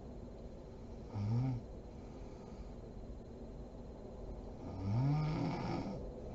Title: SNORING MOM SLEEPING ASMR SERIES PART 39